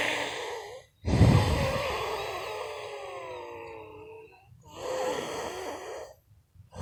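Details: About 56 seconds of noisy breaths with a high, whistling musical tone drawn out through the long breath out: wheezing in a person who says they have allergies.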